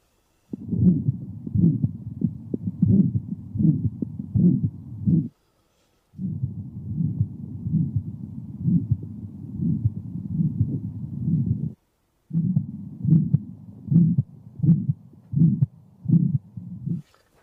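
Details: Man with signs of aortic stenosis: regular harsh, high-pitched, loud ejection systolic murmur, audible throughout the precordium, loudest at the aortic area, radiating to the carotids, with a quiet second heart sound.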